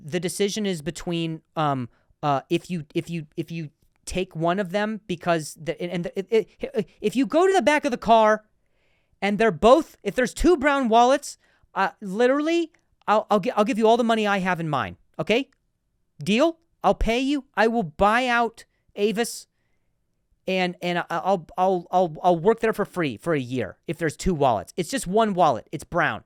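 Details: Adult male comedian and podcast host who stutters, in real speech with repeated and broken-off words: stuttering.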